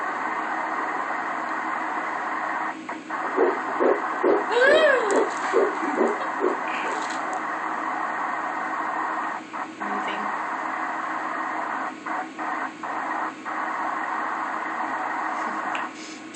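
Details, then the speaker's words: Early-pregnancy fetal heartbeat on ultrasound: rapid rhythmic whooshing pulses through steady hiss, about 140 beats a minute. "okay there's a little heartbeat oh i can see it do you want to hear it"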